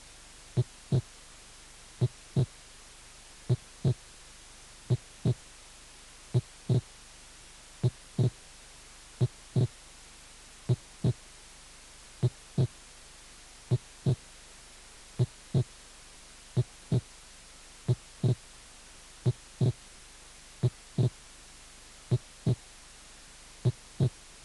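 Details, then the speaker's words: Normal heart sounds: loud first and second sounds with physiological splitting of the second heart sound; slow, regular rhythm. "el primer ruido fuerte segundo ruido fuerte y desdoblamiento fisiológico del segundo ruido"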